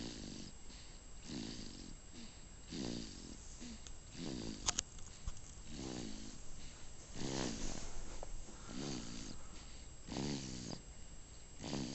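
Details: Sleeping baby snoring: rhythmic, fairly quick nasal snores with soft snorting on each breath, steady against quiet room noise.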